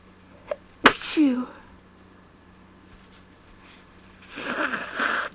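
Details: A sharp sneeze with a short voiced tail from a small nasal tickle, followed by a quiet pause and rustling; an ordinary sneeze.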